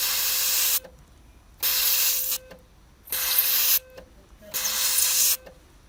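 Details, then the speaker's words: ERBE Erbotom ICC200 electrosurgical unit test after repair, cutting of meat outdoors: four loud hissing, sizzling bursts, each under a second, over a steady tone. "навіть тупий цвях може різати м'ясо якщо подати достатньо високу напругу"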